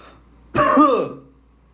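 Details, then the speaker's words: Single short, harsh, voiced throat-clearing cough, acted in a comedy skit about coughing without a mask, blamed on allergy/sinus; quiet room; simulated cough. "yo why are you coughing like that what do you mean i just had like a allergy sinus gas bubble thing nothing to worry about"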